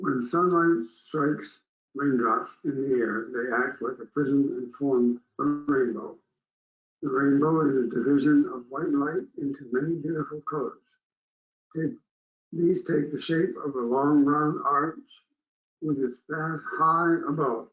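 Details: Hypokinetic dysarthria in a person with Parkinson's disease reading the Rainbow Passage before using the SpeechVive device; reports low volume and unclear speech that is getting worse.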